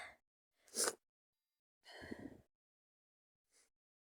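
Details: Person with a bad cold and fever, sneezing and coughing in bed: two sharp, noisy bursts of breath about a second apart, then a faint sniff in a quiet room, sneezing.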